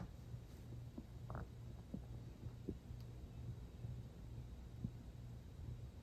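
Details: Stomach growling (borborygmi) heard as low, irregular gurgling and rumbling with brief squeaks over a steady hum; the person was not very hungry and had eaten recently.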